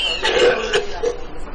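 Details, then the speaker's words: A patient with pneumonia gives a deep, gurgling wet cough in a few heavy bursts, sounding phlegmy; the first of five coughs played on a TV health program, which identifies it as a pneumonia cough. "첫 번째, 두 번째 기침이 폐렴의 기침입니다."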